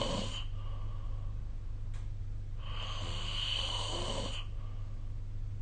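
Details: Recorded with the SnoreLab app: two breathy, slightly whistling snores about two seconds apart over a low room hum; mild snoring during sleep.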